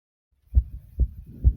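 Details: Rapid, pounding heartbeat after 65 jumping jacks: three strong, deep thumps in quick succession, about 130 beats a minute.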